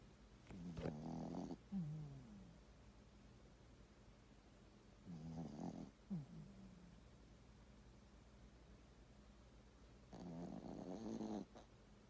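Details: Sleeping dog named Blanca, probably a poodle: three slow, rattling snores with brief snorting ends, about 5 a minute, in a quiet room.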